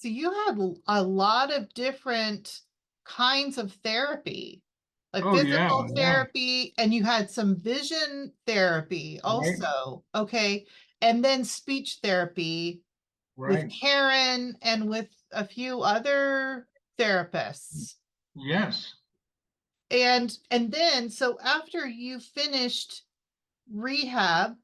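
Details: Adult woman interviewer, with brief replies from another adult; typical speech.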